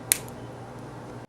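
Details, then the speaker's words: A single sharp click over low room hum as a subglottic suctioning inner cannula locks into a Blom tracheostomy outer tube, on a Servo 300 ventilator set to SIMV 12, tidal volume 600 and PEEP 5. "you will now hear an audible click indicating the canula is now secure to the Blum outer"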